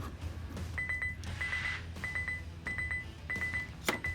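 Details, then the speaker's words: Repeated high electronic beeps in quick bursts over a low machine hum: LUCAS mechanical chest compression device alert when the suction cup is pulled down on a patient too small for it, requiring return to manual compressions. "there are patients who are too small if you go to pull the suction cup down and it makes this noise that"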